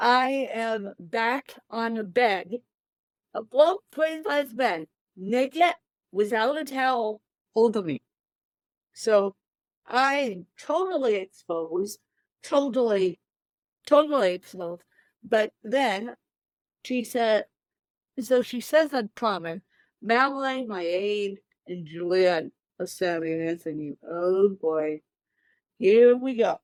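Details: Dysarthria in an adult woman with cerebral palsy present from birth, born 13 weeks premature weighing one pound thirteen ounces; real, not acted.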